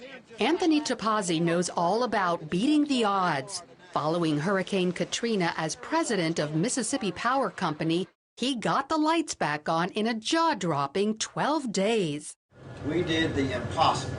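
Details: Adult female news reporter; Normal speech.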